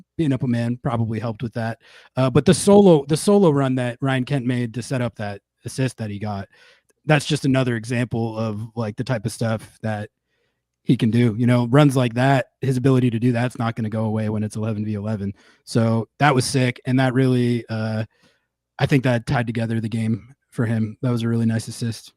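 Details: Adult male speaker; Normal speech.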